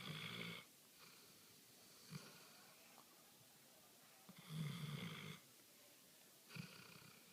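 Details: Female dog asleep on a couch, snoring: soft breaths with a faint whistling edge, separated by quiet gaps and small snuffles.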